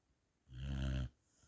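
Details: Sleeping after a long walk: one low, buzzing snore lasting about half a second in a quiet room.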